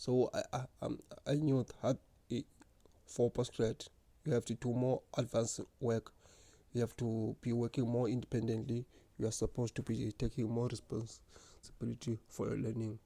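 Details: Adult man who has stuttered since grade 1 or 2; stuttering.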